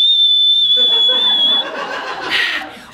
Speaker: Bill thank God never snores but there is a sound sometimes from his hearing aids it sounds like this